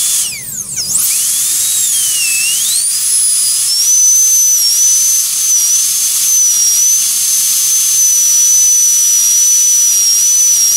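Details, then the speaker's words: Steady high-pitched air turbine dental handpiece whine with a 330 bur, pitch dipping as it plunge-cuts into a typodont practice tooth for a Class I cavity preparation, then holding steady. "it's easier just to go ahead and do the the down your plunge cut down to where you want it and then move"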